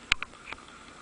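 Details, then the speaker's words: Person with a bad cold, sore throat and headache: two quick, wet nasal sniffs in a quiet room from a blocked, runny nose. "hi guys um as you can probably already tell by the same my voice and i'll probably keep sniffing all the way through this video i have got quite a bad cold"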